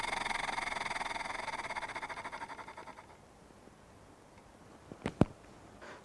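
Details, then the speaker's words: Steady fluttering buzz during a held exhalation through an Acapella oscillating positive expiratory pressure device, demonstrated for airway clearance in cystic fibrosis; fades after about three seconds. "you can place one hand on your chest while blowing you need to feel vibration in your chest if you are not feeling vibration in your chest it means you are not holding the mouthpiece tightly"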